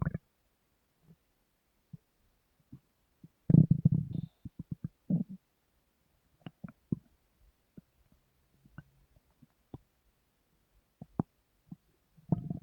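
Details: Sleeping woman's stomach rumbling recorded hours into sleep: low gurgling rumbles and short pops in a quiet room; ordinary bowel sounds, stomach growling.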